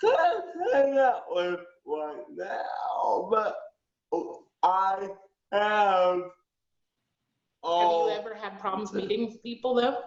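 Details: Aphasia with cerebral palsy in a 19-year-old male, who switches up words when not understood.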